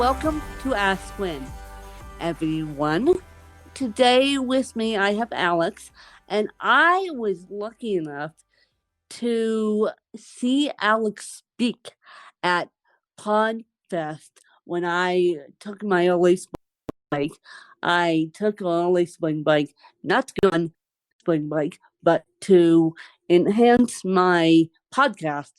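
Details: Dysarthria in an adult woman who has lived over 30 years with cerebral palsy, speaking conversationally during a podcast interview.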